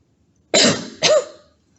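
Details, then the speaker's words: Two short, moderate coughs in quick succession, demonstrated by a respiratory therapist, deliberately not forced; controlled cough to clear mucus. "now it's important to not force this cough okay no matter what it sounded like on the video I wasn't really forcing that coffee it wasn't a hard coffee"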